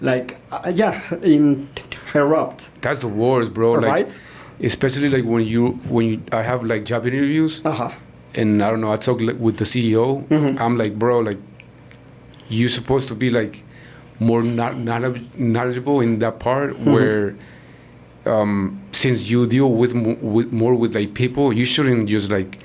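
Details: Adult man, born in Mexico and living in Texas, who describes himself as a person who stutters; stuttering.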